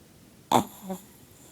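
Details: A single loud snorting inhalation then a softer rumbling exhale from a sleeping Chihuahua that at times snores with eyes open; loud snoring.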